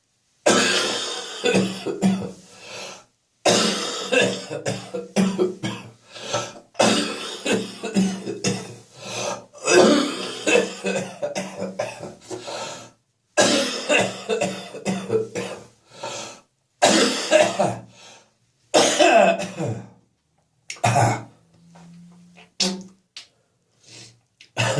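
Repeated harsh coughing fits with a loose, rattling quality, typical of a wet cough bringing up phlegm.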